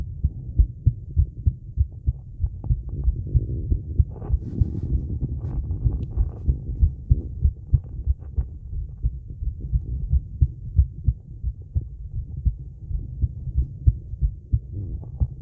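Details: Female heartbeat recorded around a 30-second plank, recovery and breath-hold: fast, regular low thumps at about 95 a minute with breath and movement noise; normal heart sounds.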